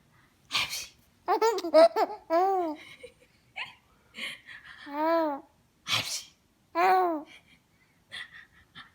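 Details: A mother makes playful imitated sneezes while her 3-month-old baby coos and laughs in response between them.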